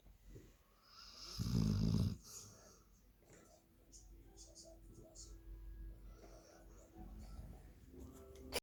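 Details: A sleeping German Shepherd dog: one loud, low rumbling snore followed by softer snuffling breaths in a quiet room; snoring.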